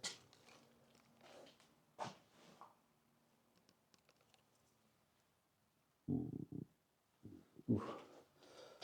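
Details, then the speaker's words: Low gurgling rumbles and a brief humming growl in short bursts from a stomach in a quiet building; stomach growling (borborygmi). "That was my stomach growling. I don't know if you could hear that one."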